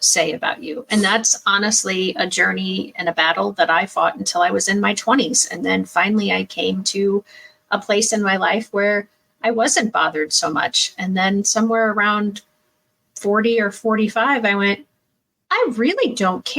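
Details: Adult woman speaking; typical speech.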